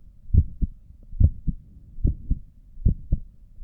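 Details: Own heartbeat via stethoscope while sitting at a desk, visible neck pulse: regular paired lub-dub at about 70 beats a minute, normal heart sounds.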